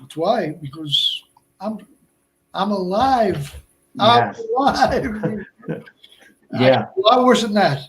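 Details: Man about 57 years old, over 8 years after a stroke at age 46 (March 2011), also a heart transplant recipient; Broca's aphasia.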